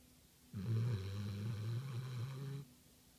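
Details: Lilly, a pit pinscher, snoring: one long, low, rumbling snore lasting about two seconds while asleep.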